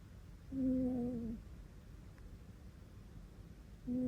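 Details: Cat snoring.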